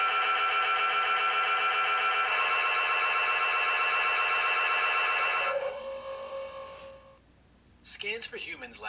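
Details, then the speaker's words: Simulated MRI scanner sounds from an AR prototype that prepares child patients for MRI: loud rapid buzzing tones, about four pulses a second, shifting in pitch, then fading; normal MRI scanner noise. "if you'd like to hear some of the other sounds an MRI machine makes feel free to keep hitting the button before continuing"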